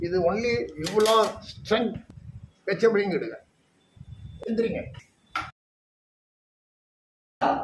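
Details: Male patient with puberphonia, recorded before treatment while counting from 1 to 10; he reports that his voice will not come.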